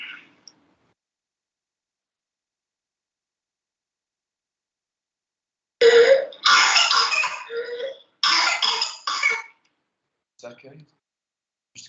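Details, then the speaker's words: Whooping cough (pertussis) in a child: a run of harsh, rapid coughs, then faint noisy whooping inhalations after the cough. "so this is how it usually appears in children uh can you guys hear it if you can hear the whooping which is the inhalation after the cough if you concentrate"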